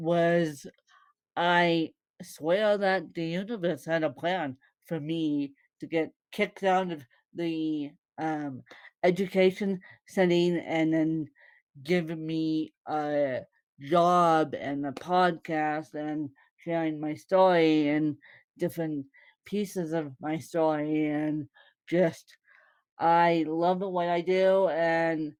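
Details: Woman born with cerebral palsy (congenital); no speech disorder is named by the source.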